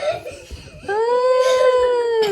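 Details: Crying of a 12-week-old baby girl born by emergency delivery: a brief whimper rising into a sustained, clear, high-pitched ordinary infant cry.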